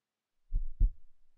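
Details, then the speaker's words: Normal human heartbeat, the sound a doctor listens for at a checkup: a single low lub-dub pair of heart sounds, thump thump. "It's kind of like the rhythm in a song, it just keeps repeating, making the same sound over and over again. Thump thump, thump thump."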